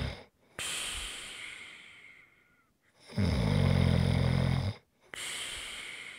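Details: Loud, buzzing snore on the in-breath followed by long airy out-breaths, two slow breath cycles in six seconds; heavy snoring recorded as ASMR relaxation sounds.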